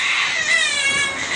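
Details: Infant crying: sustained high-pitched wailing with a strong steady voice throughout.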